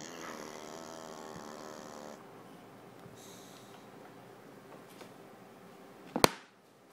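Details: Pug dog snoring: a loud, buzzing snore on the in-breath, then a quiet out-breath, ending with a sharp click; said to snore constantly.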